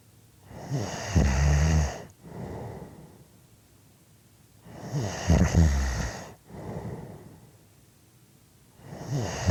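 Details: Loud rattling snores on each breath in, followed by a softer breath out, about 14 breaths a minute; snoring.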